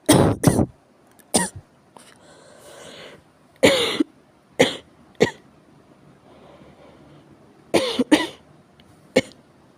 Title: 咳が酷 severe cough